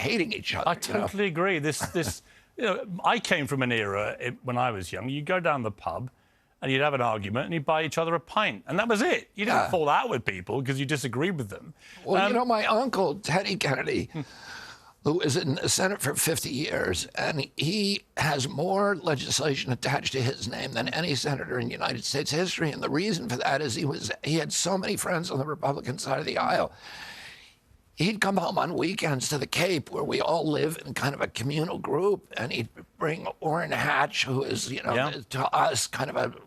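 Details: Adult man, spasmodic dystonia, a neurological disorder, onset at 42 after a 1996 injury; nerve signals tighten strong vocal cords constantly; Kyoto surgery about eight months earlier made voice more reliable; now doing alternative therapies; says voice strengthens with use.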